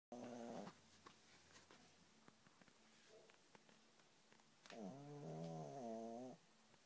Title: my dog snoring